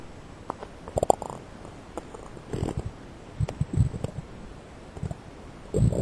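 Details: Stomach growling, loud borborygmi from a person's stomach, recorded with the stomach shown on camera.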